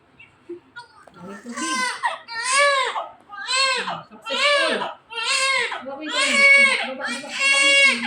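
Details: Rhythmic, strong, high-pitched crying bursts about once a second from a newborn baby girl just after normal vaginal delivery; a vigorous normal first cry.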